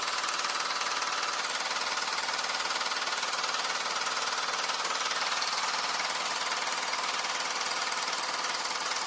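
Steady, rapid mechanical tapping, about 230 pulses a minute, from a handheld low-intensity shockwave therapy device running a treatment round.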